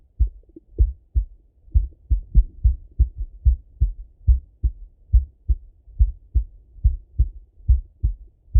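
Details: Full heart auscultation through a stethoscope on a male, recorded either sitting at a desk or lying in bed: a steady low lub-dub with no added noises between beats, normal heart sounds.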